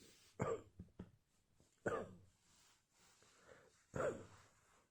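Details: Cough.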